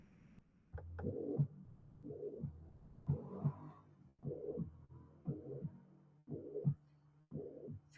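Regular heart cycles, about 55 a minute, each with an even, blowing murmur filling all of systole: a holosystolic mitral regurgitation murmur.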